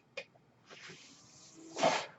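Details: Mechanical ventilator: faint click, then soft airy hiss swelling into louder rushing puff of air each breath cycle, under speech.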